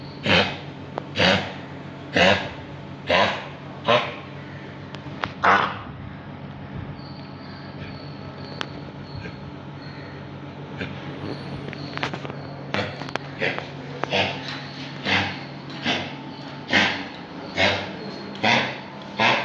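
A dog gives repeated harsh, dry coughs in two bouts, typical of kennel cough.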